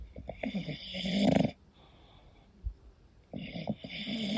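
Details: Loud rattling snore on the breath in, then a quiet pause before the next rough snore, from a sleeping English bulldog; snoring.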